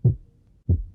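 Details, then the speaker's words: Pediatric cardiology teaching example: two heart sounds with slightly doubled second sound that changes with inspiration and breathing; physiological splitting of the second heart sound. "pero cuando el paciente inspira, puede haber un desdoblamiento fisiológico del segundo ruido, que se va a modificar con los movimientos respiratorios."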